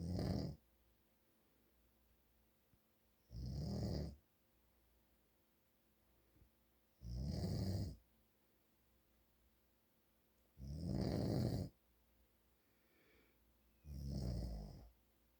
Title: My dad snoring more.